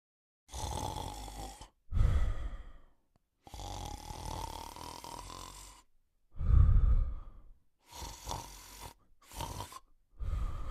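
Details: A sleeping male Cocker Spaniel snores in irregular rumbling breaths, some with a snorting catch, separated by short pauses.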